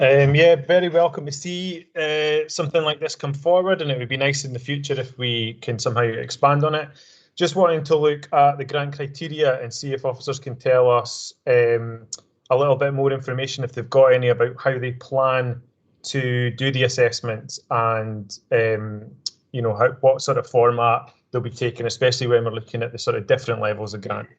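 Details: Adult man speaking; normal voice.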